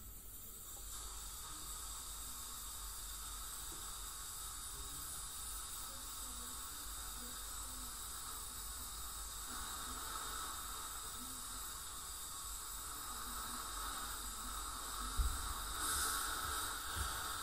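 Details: Teeth cleaning by a dental hygienist on a patient with heavy plaque and tartar, possibly scaling with gingival inflammation or full-mouth debridement: continuous high hiss and whine of an ultrasonic scaler with water spray over a steady low rumble of suction.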